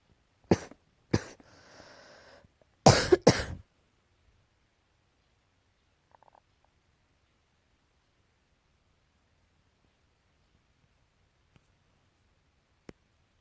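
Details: A short cluster of sharp coughs from a cat with a raspy breath between, then quiet; repeated coughing, tagged allergy.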